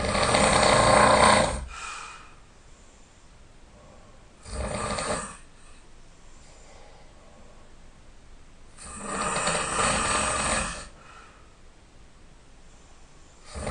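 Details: Loud snoring during sleep, recorded by the snorer, who was woken when it got really loud: loud, rough snores on each in-breath about every four seconds, with quiet out-breaths between.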